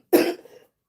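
A single short, sharp cough with a brief raspy tail.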